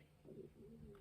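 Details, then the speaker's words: An adult's stomach growling from hunger before breakfast: a soft, low, cooing gurgle, an ordinary harmless sound. "if, I hope you didn't hear that. My stomach just growled. I guess it's breakfast time."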